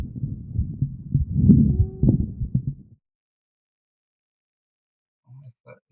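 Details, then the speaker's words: Rough breath noise with a brief musical, whistling tone, an expiratory wheeze indicating airway narrowing and obstruction, heard on lung auscultation in a teaching lesson; wheezes. "A gente consegue também ao escutar tanto na inspiração quanto na expiração que ele tem característica de estreitamento de vias aéreas, tá? Então o cibilo expiratório indica obstrução de vias aéreas, tá?"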